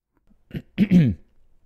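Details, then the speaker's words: Adult man coughing once while recording: a brief soft burst then a louder, voiced, rasping burst in a quiet room, close to throat clearing; cough. "donc vous avez entendu ici j'ai j'ai toussé ok"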